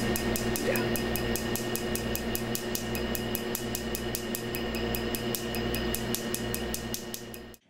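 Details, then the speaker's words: Rapid, steady sharp snapping pulses over a humming machine from an actively Q-switched Nd:YAG laser (Astanza Duality) at 1064 nm targeting black ink during tattoo removal; playback accelerated. "Right now, the Duality's 1064 nanometer wavelength is being used and is selectively absorbed by the black ink in the tattoo."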